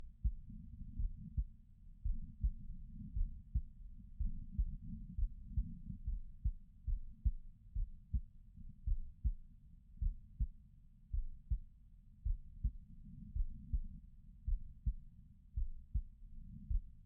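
Low, regular thumping heartbeat at about 54 beats a minute, with a soft muffled rumble between beats.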